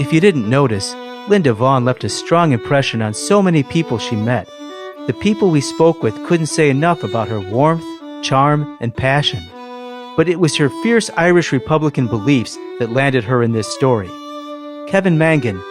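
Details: Adult male narrator; ordinary speech.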